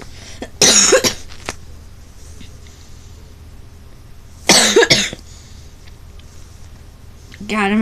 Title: Plush collection disclaimer I am sick sorry 4 coughing